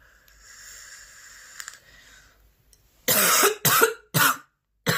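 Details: A faint tone, then four loud, harsh, forceful coughs in quick succession; part of a 10-minute recording of extremely intense, persistent coughing fits with heavy breathing.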